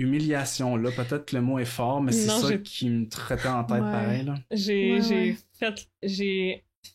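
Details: Real stuttering in an adult woman who stutters and is a master's candidate in speech-language pathology.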